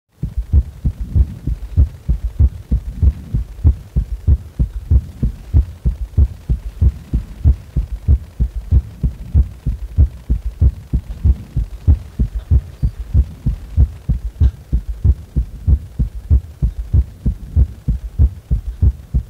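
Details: Heart sounds recorded while resting lying on the back: steady, regular low heartbeats at about 95 per minute with no added sounds; normal heart sounds.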